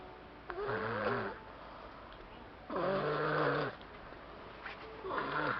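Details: Snoring: three drawn-out, rattly snoring breaths at about 26 a minute, with quiet pauses between.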